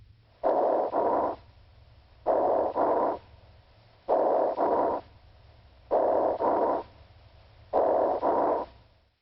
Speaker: roncai have a lower pitched snoring quality and suggests secretions in large airways